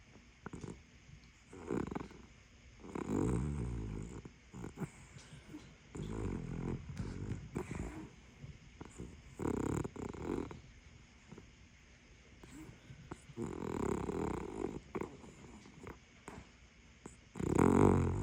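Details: Super loud snoring from a sleeping pup: repeated rough, rumbling breaths that grow loudest near the end.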